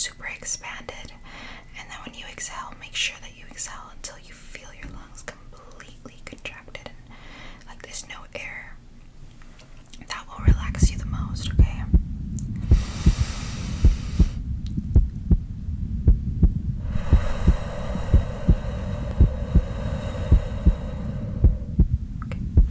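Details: ASMR anxiety role-play, stethoscope on chest during guided slow deep-breathing exercise: soft whispering then steady, regular low heartbeat thumps with intermittent breathy hiss; examiner felt the heartbeat lowering with the breathing.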